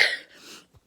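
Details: Adult living with cancer, on blood thinners, breathless and coughing up blood that morning: a single short, harsh cough burst followed by a fading exhalation and brief quiet.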